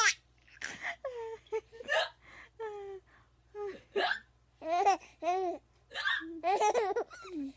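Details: Mother's hiccups while her baby laughs and babbles: short, abrupt catches between the sounds; hiccups.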